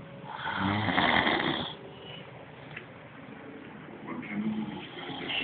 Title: Loud Snoring Man on Couch